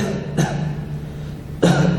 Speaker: Por último, la auscultación termina con la auscultación de la tos, auscultando el tórax mientras el paciente tose.